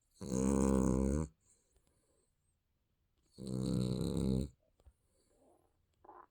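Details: Sleeping baby snoring: two loud, rumbling snores about two seconds apart with quiet pauses between.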